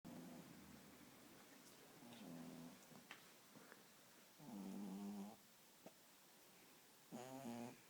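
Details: Beagle sleeping on a couch: soft rhythmic snoring with a few snores and quiet breathing between; ordinary sleep snoring.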